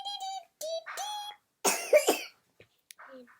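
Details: Cough in a young child: two short, harsh coughs after some high-pitched voiced sounds.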